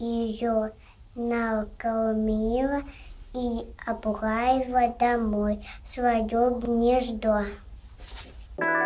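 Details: Stuttering in a 5-year-old boy, preschool age, recorded before a three-week stuttering treatment course.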